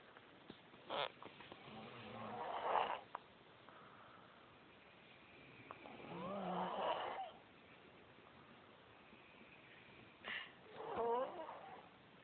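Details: Sleeping woman snoring: rattling, fluttering snores on each breath in, about three across twelve seconds, with soft clicks between them.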